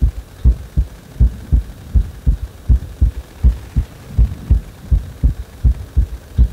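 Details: Heart beating faster on its own after compression: strong, regular low thumps at about 81 beats a minute over a steady hum; rapid heartbeat.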